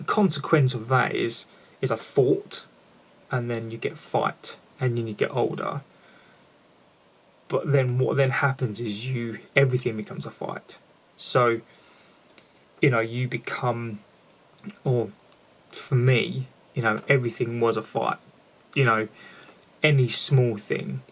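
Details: Lifelong stuttering (stammering) in an adult man, present since childhood, with repetitions in this stretch.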